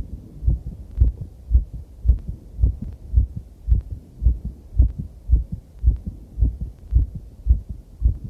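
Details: Own heartbeat recorded during a cycle ride over challenging terrain, very noisy with clipping: strong, regular low thumps at about 110 beats a minute; fast heartbeat with exercise.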